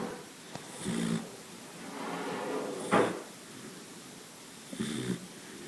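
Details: Sleeping Boxer dog snoring: irregular snorting snores with rattling inhalations and soft exhalations.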